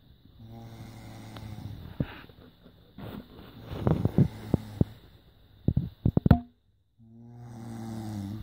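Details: Snoring during sleep, recorded on a smartphone: low, droning, rattling breaths broken by a few sharp clicks and a brief pause before the snoring resumes.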